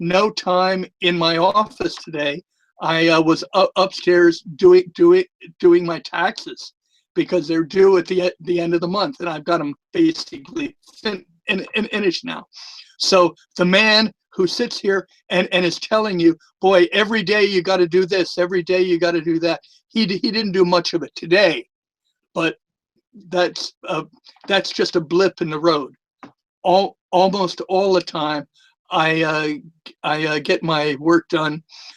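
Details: Retired male former social worker who has stuttered for years and also lisps; stuttering.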